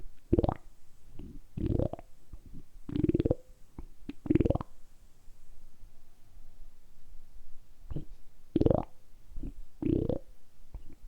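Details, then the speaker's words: Deliberately produced stomach rumbling (borborygmi): irregular gurgling and croaking bursts with rising squeaky tones and quieter rumbles between; normal bowel sounds. "今日は単純にお腹を鳴らすだけの動画をお届けしたいと思います。だいたい10分ぐらいずっとお腹を鳴らし続けたいと思いますので、その時のお腹の音をお楽しみください。"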